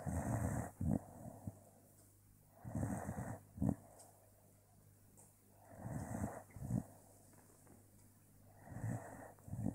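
Slow, rumbling snores with each inward breath, about 20 a minute, quiet pauses between; snoring during sleep.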